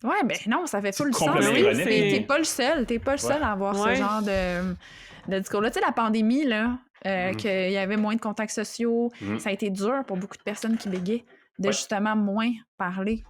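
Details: Adult woman speaking French; Normal fluent speech.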